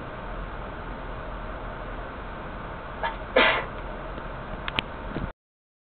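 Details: Second sneeze of the day: over steady background noise, one short explosive burst of air, then a couple of smaller sharp puffs; sneezing.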